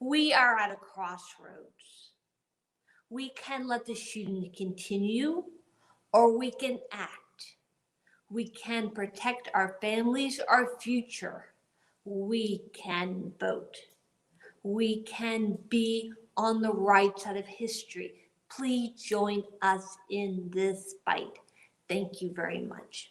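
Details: Adult woman with aphasia after a 2011 gunshot wound to the head, 10 years on, giving a prepared speech practised in therapy; difficulty getting words out and forming sentences, good auditory comprehension; aphasia.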